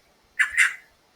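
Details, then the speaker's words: Vocal imitation of a heartbeat, not a real recording: two quick sounds representing S1 (mitral and tricuspid closure) and S2 (aortic and pulmonary closure), normal heart sounds. "Cada sonidito, eso que escuchas, es el cierre de las válvulas. ¿Ya? Eso es muy importante."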